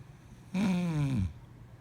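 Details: A single drawn-out, buzzing, gliding snore on one breath; snoring.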